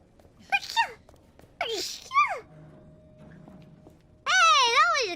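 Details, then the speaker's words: A streamer sneezes three times in a row, each a high-pitched, squeaky, voiced burst with falling pitch, with a faint steady room hum between; she says she is very allergic today. "very allergic today yeah very allergic today so you'll get even more sneezes"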